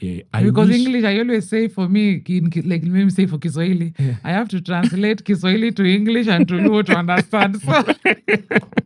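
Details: Adult speaker; typical speech.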